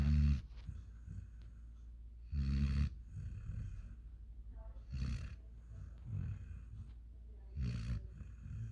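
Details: Sleeping 5-month-old German Shepherd x African Boerboel dog snoring: low rumbling snores about every two to three seconds, uneven in strength; ordinary snoring.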